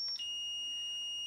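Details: Defibrillator charging in synchronized cardioversion mode at 1 joule, demonstrated for neonatal use: a steady high electronic tone while charging.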